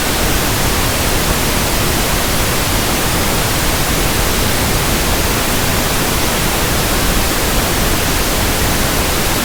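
Steady soft hiss of pink noise, used to match the static-like sound of tinnitus.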